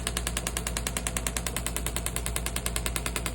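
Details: Shockwave therapy on an injured patient's Achilles, also worked up into the soleus and gastrocnemius, for pain and scar tissue: rapid, steady mechanical clicking pulses at about 200 a minute.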